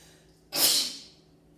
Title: standing head sneeze